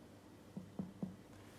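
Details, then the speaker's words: Three quick finger taps on the abdomen during abdominal percussion across all quadrants in a physical examination, each giving a short, hollow, drum-like ring: a tympanic percussion note within normal limits. "Hai Saya mau mendengarkan suaranya timpani timpani Hai dan Tiffany baik suaranya Tiffany dalam batas normal"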